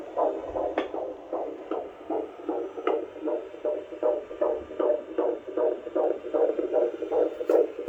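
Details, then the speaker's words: Fetal heartbeat on Doppler at a midwife appointment: rapid, regular whooshing, strong, about 156 beats a minute, within the normal fetal range. "oh beautiful oh that's a strong heartbeat geez that's about 156"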